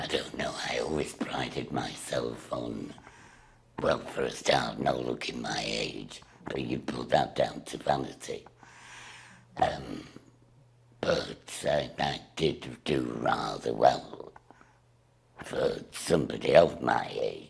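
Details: Woman with laryngectomy after throat cancer and emergency tracheostomy, speaking through a voice valve device. Finding: alaryngeal (laryngectomy) speech.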